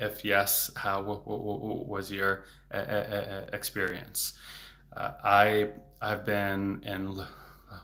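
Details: Stuttering in an adult male speech-language pathologist who stutters, speaking spontaneously in a livestream, with word repetitions.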